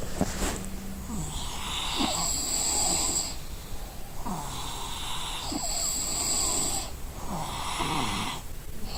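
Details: Exhausted person asleep gives loud, rattling snores with a whistling edge on each breath in, about three cycles over nine seconds; snoring.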